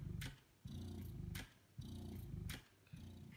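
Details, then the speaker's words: Spectra S1 breast pump running on battery, from lowest levels up to maximum cycle speed at suction level 6, then level 12: cyclic low motor hum broken by short hissing releases, roughly once a second. "the Spectra S1 operates in the same way as the S2 but this is not plugged in at the moment it's running from battery here is the pump at its lowest levels and then at maximum cycle speed at suction level six and now it's suction level 12."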